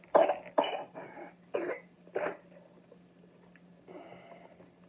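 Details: A child's night-time coughing bout at 4 am: five quick coughs, then a softer breathy sound, over a steady low background hum.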